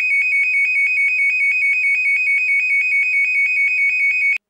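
Rapid, repeated high-pitched electronic beeping: a baby breathing monitor alarm warning of a pause in breathing.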